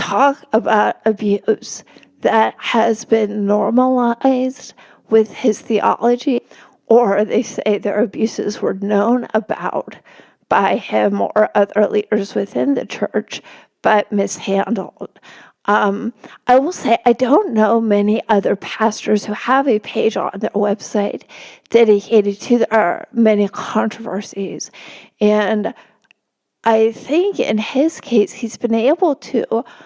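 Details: Adult woman with spasmodic dysphonia, speaking as a podcast guest: spasmodic dysphonia.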